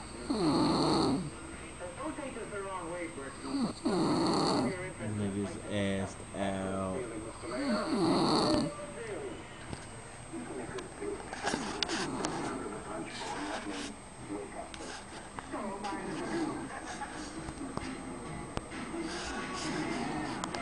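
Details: Person filmed while sleeping: repeated rough, vibrating snores on the in-breaths, irregular and about 16 a minute, with some room noise; loud snoring.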